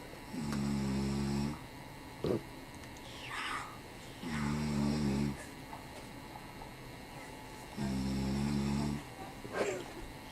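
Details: A father napping, giving three loud, rattling inhaled snores, about 16 a minute, with quieter exhalations between: snoring.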